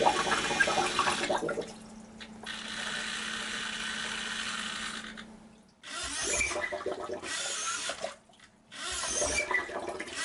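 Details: Whirring motor bursts and a steady servo hum with brief pauses from a homemade DIY positive-pressure mechanical ventilator running, built from an RC servo, servo tester, battery, push-pull rod and 2 l and 5 l bottles with valves.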